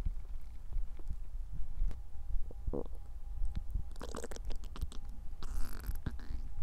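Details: Human bowel sounds (borborygmi), digestion recorded instead of intended hunger sounds: quiet low gurgles and bubbling squeaks from the belly.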